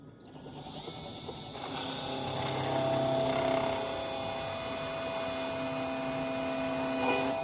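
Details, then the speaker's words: Dental implant osteotomy on a 3D-printed patient model, second drill 3.3 mm diameter taken to 10 mm depth: steady high-pitched motor whine of the implant drill widening the bone site. "Next we'll take the second drill, that is D 3.3 millimeters, and we'll go ahead. Again we'll stop at the same."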